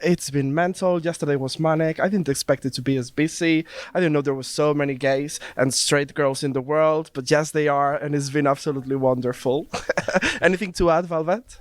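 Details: Adult speaker; Normal voice.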